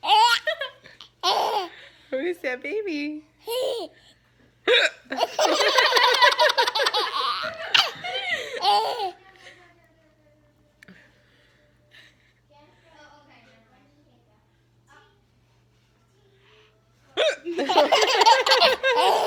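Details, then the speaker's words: Short, abrupt hiccups from an adult mother while her baby bursts into laughter, with some talk; hiccups. "I have the hiccups and thinks it's funny."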